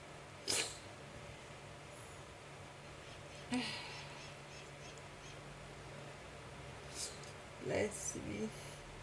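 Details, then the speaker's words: Non-stop sneezing attack: several sharp, hissing bursts of air spaced seconds apart in a quiet room, a run of repeated sneezes. "I can't stop sneezing."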